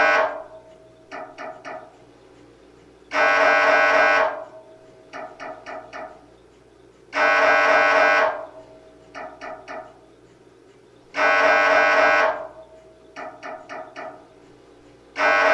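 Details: Real MRI scanner noise, sample to prepare patients (children) for a scan: long blaring buzz bursts every four seconds with quick knocking clicks between.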